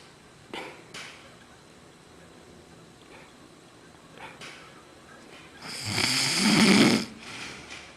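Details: Adult man sleeping off a night of drinking: quiet breaths and snorts build to one loud, harsh, rattling snore; heavy drunk snoring.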